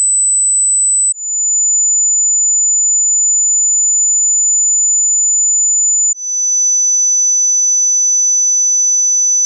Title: Hearing Test